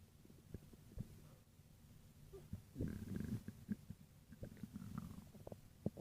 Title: (REUPLOAD) stomach growling